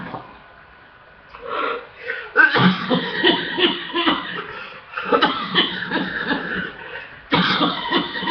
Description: so i have a full chest and hard coughing i guess so far this year is cough mania for me